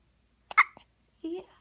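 A single sharp, abrupt hiccup-like catch, followed by a brief soft baby vocal sound; consistent with a newborn hiccup.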